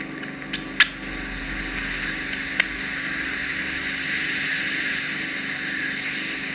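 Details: Endoscopic ear microsuction by a registered nurse of wet, slimy wax and skin from a narrow ear canal: continuous hissing suction with a few sharp clicks and slurps as the wax is drawn out.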